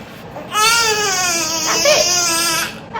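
A sustained, clear, high-pitched wail of about two seconds from a one-week-old baby; an ordinary newborn cry.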